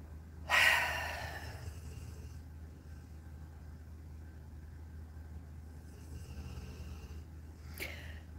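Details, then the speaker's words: Dog snoring during a morning chat. "the dogs are snoring trying to put me to sleep you hear that dog snoring"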